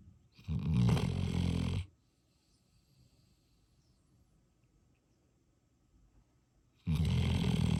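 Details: Snoring during sleep: two loud, low, rattling snores separated by a quiet pause of about five seconds.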